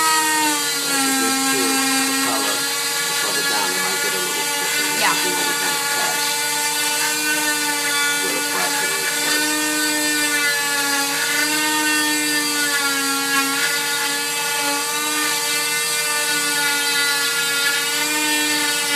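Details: Continuous high-pitched buzzing whine with a faint voice underneath: an oscillating cast saw cutting off a full-leg cast after 6 weeks following patellar tendon reattachment surgery.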